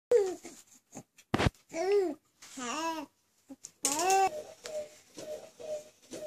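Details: A 7-week-old infant coos and gurgles around one sudden, sharp burst of air, a single small sneeze, then returns to soft vocal sounds: sneeze.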